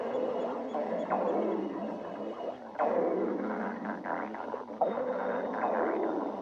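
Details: Stomach growling (borborygmi) from a badger named Sticks: continuous gurgling, bubbling rumbles with rising and falling squeaky swoops.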